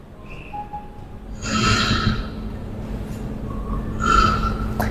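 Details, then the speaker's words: Two loud, rough snoring breaths from a sleeping person, turbulent airflow in the airway; loud snoring preceding pauses in breathing and waking in obstructive sleep apnea. "jadi diawali dulu dengan tanda bahwa ada ngorok. Ada ngorok dulu. Nah, ngorok keras itu artinya udara itu turbulens di dalam saluran napas kita."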